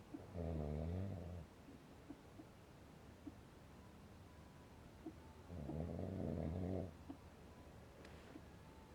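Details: Snoring at 12:30 at night at a windy mountain campground: two long, low, rumbling snores on breathing in, about five seconds apart, with faint wind and outdoor noise between them.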